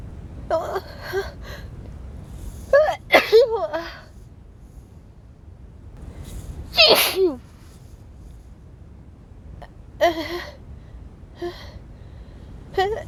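A run of about four wet sneezes, each with a short intake beforehand, over steady background hiss; repeated sneezing during a cold.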